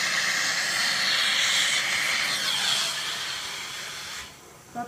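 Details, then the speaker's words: Indirect retainer bonding, demonstrated on a large model: steady hissing whir of a dental polishing handpiece on the teeth before etching, stopping near the end. "и пациент приходит к вам на приём вы начинаете полировать зубы"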